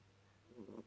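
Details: Cat napping in the afternoon: a single faint, brief rumbling snore over steady low room hum.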